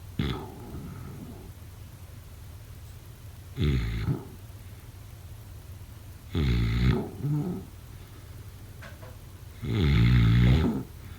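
Four rough, low snores, roughly 18 breaths a minute, over steady room hiss. Ordinary sleep snoring.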